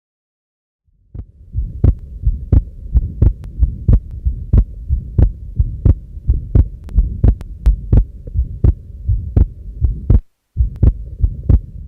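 Heartbeat at about 85 a minute with a low, steady rumble between beats; an atrial septal defect murmur with a widely split second sound.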